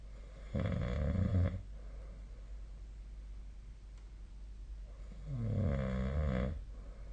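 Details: Two loud, low, rattling snores about four seconds apart with quiet breathing between, in a nightly sleep recording apparently made with the SnoreLab snoring app; snoring.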